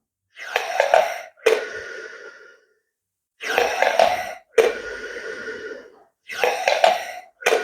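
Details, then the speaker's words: Demonstration of a Respiron incentive spirometer used without the nasal clip: three slow, forceful breaths, each a long hissing inhalation raising and holding the balls, then a gentle exhalation. "Então a partir do momento que você ergue essas bolinhas, o princípio é você erguer e sustentar elas. Tem gente que faz assim, ó."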